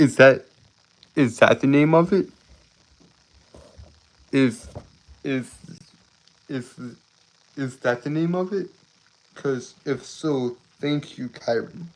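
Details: Stuttering, self-reported speech impediment causing stuttering, tripping over words and irregular breathing.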